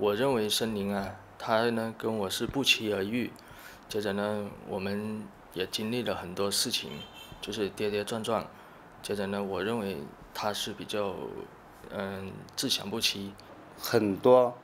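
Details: Adult male speaker; typical speech.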